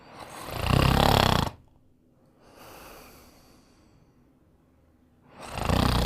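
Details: Animated cartoon character Tigger asleep, with loud, rough, rumbling in-breath snores and quieter out-breaths, about two breaths in six seconds; snoring.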